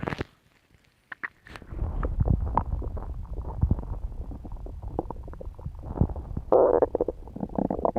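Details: Adult woman's stomach noises after eating pizza: loud gurgling, bubbling rumbles with clicks and squelches, ordinary bowel sounds.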